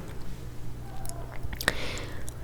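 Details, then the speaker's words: Adult's own stomach growling, heard during a true-crime ASMR narration: low rumbling with a faint gurgling squeal, ordinary bowel sounds. "So this was the hospital that Charles took the life of his last victim. I hope you can hear my stomach growling, I'm sorry."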